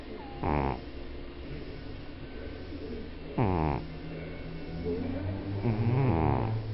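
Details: Three low, rattling snore bursts about every three seconds from a sleeping cat over steady room hum; snoring.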